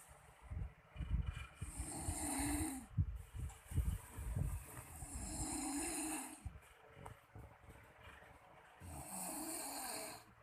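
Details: Man caught snoring by his wife: loud, rough, low rattling snores on each breath in, one every few seconds, with softer breathing and room noise; snoring.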